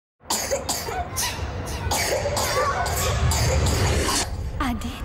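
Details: Acted child's coughing fit in a TV advertisement for a cough and flu remedy: a run of short, repeated coughing bursts with music underneath.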